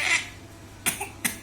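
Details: Excited baby girl: a breathy, excited sound followed by two short, sharp infant coughs brought on by excitement.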